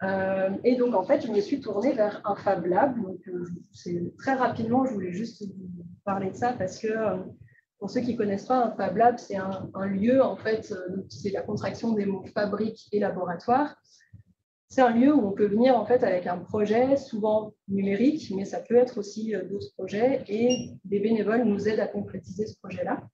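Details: Adult woman speaking French; normal speech.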